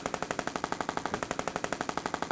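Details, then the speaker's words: Pressure-wave percussive therapy device applied over the wrist, as for carpal fibrosis or adhesions limiting range of motion: rapid, evenly spaced mechanical taps, about nine per second, as the device pulses into the tissue. "we would come in here with this Bettina you're gonna hear the little noise that makes"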